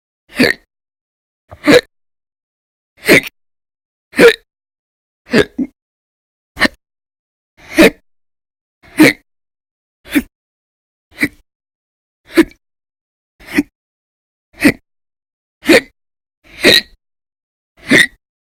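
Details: Audio-only recording of persistent hiccups lasting 10 to 13 hours per day over December 2019, described as violent and very loud; repeated brief sharp gulping clicks, about 52 per minute, fairly steady rhythm.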